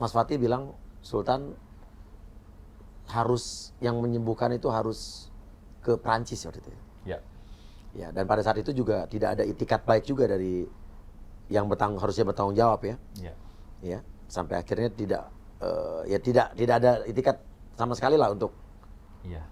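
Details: Adult man speaking; normal speech.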